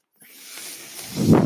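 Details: Speaker's own mechanical ventilator heard while he talks: a soft airflow hiss builds steadily, then ends in a louder, lower whoosh as it delivers a breath.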